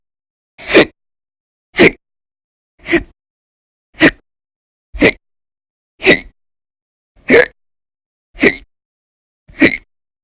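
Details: Audio-only recording from December 2019 of violent, very loud hiccup bouts: nine sharp, loud hiccups at about one per second, separated by silence; persistent hiccups.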